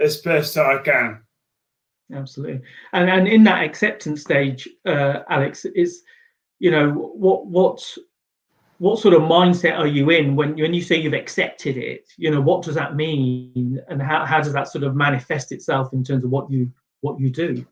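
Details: Adult male speaker; normal speech.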